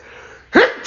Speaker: I'm not going to ret tape just cuz I sneezed sorry you get to hear it anyway